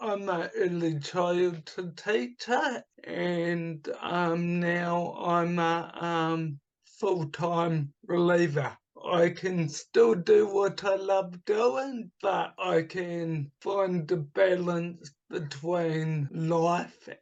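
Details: Adult man with dysarthria from cerebral palsy caused by oxygen starvation at birth, also affecting his right hand; speech formerly very slow, now improved to about two to three times faster but not back to normal.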